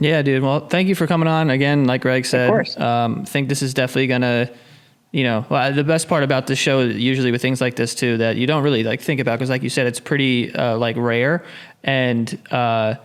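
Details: Adult male speaker; normal speech.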